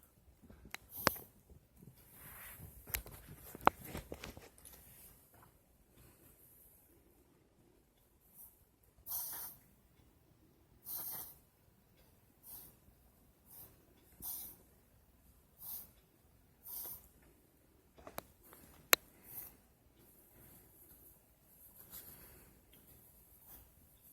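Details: Dog (female) having a coughing fit: about nine soft, airy, hacking bursts in a row in a quiet room; owner notes she coughs when standing, not when lying down; repeated coughing fit.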